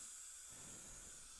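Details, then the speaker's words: Steady high-pitched hissing spray of a dental air-water syringe rinsing and drying a female patient's upper front teeth 8 and 9 after hand scaling, during lingual composite bonding of a weak tooth with bone loss to a strong tooth. "we'll clean off some of that stain that she might have on the facial surface and we'll do a good job rinsing that again"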